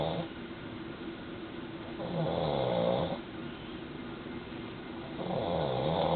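Two loud, drawn-out snores, each lasting about a second, over steady low room noise: ordinary snoring.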